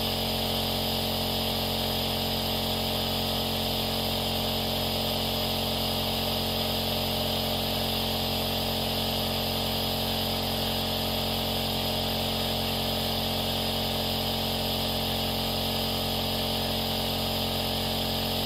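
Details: Nebulizer compressor running: a steady, unbroken mechanical buzz with a faint hum at a constant pitch, like a soft but more delicate hairdryer.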